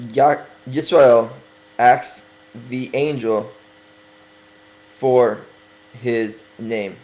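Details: Speaker working on his stuttering, deliberately talking slower to correct it during a religious talk; stuttering.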